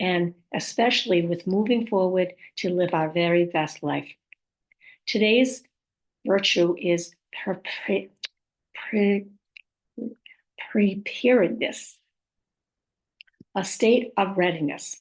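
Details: Woman with post-stroke aphasia, apraxia of speech and dysarthria; she says her speech is sometimes hard to understand.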